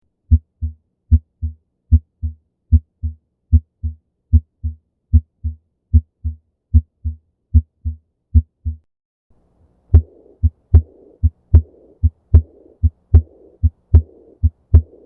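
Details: Normal heart sounds, shown for comparison with aortic regurgitation: crisp, regular lub-dub at about 75 beats a minute with quiet pauses between beats.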